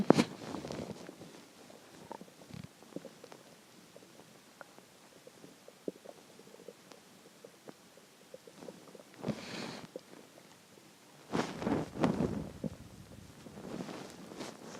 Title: hungry stomach growls 2